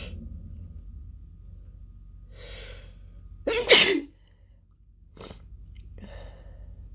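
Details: Final unstifled sneeze ending a female's stifled sneezing fit: an inward catch of breath, then one loud, explosive sneeze, followed by breathing.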